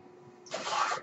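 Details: The speaker's own mechanical ventilator, recorded while he talks, in a quiet room: a sudden airy rushing hiss as the machine delivers a breath. Mechanical ventilator.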